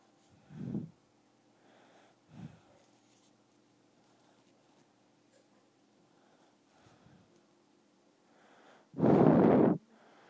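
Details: 4-month-old infant snoring: soft, irregular snuffly breath noises in a quiet room, ending in one louder snorting breath, like light snoring.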